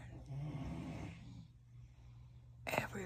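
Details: Family members asleep and snoring: a soft, low rattling snore over room hum, then quiet and brief nearby whispering; snoring during sleep.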